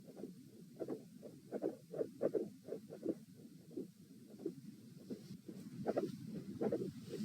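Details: Heart sounds at auscultation position A in a repeated consistency stress test: the subject is lying, sitting, standing, then lying again, with a mid-systolic click and a fixed split S2.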